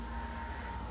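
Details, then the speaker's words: Dental unit high-speed handpiece run with water switched on for 30 seconds to a minute to flush: steady high whine with hissing rush of air and water spray; dental high-speed handpiece running. "so now I'm going to show you guys water coming out you usually have to let it run for about 30 seconds to a minute and now we have water air flow through it okay"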